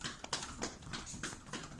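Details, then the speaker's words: Demonstrated chest percussion of the upper lobe anterior segment, done over clothing with a cupped hand and wrist motion while the patient relaxes and breathes comfortably: rapid hollow clapping, about five claps in under two seconds, to loosen secretions. "just let the person breathe comfortably just relax and the rest it's a wrist motion okay that's the key you're gonna develop create a little cup the percussion is the sort of a pocket of air that's tapping"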